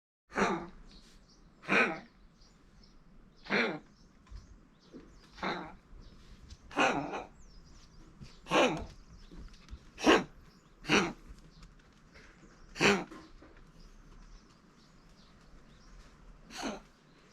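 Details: 12-year-old Maltese dog with ongoing health issues and frequent coughing, vet says little can be done: about ten sharp dry coughing bursts at irregular intervals in a quiet room.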